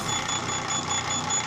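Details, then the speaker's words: Open-source low-cost dual Ambu-bag (BVM) ventilator prototype with stepper motor: rapid, steadily repeating high beeps over mechanical hum; device error alarm requesting reset. "there's an error it detected on error and then take this guy (Ambu Bag) out device error please reset"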